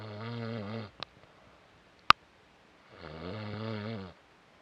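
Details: Two long, rumbling, buzzy breaths with a pause and a couple of clicks between them; steady snoring.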